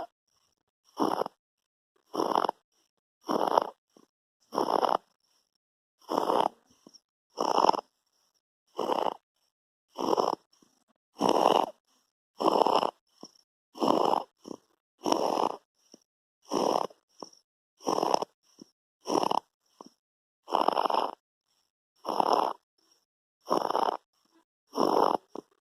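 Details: 2-month-old infant with laryngomalacia: rasping, snore-like noise on each breath at about 47 breaths a minute.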